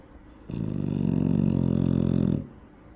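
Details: Eight-month-old female young dog sleeping near a safety barrier: a single long, loud, rattling low snore lasting about two seconds in a quiet room; snoring.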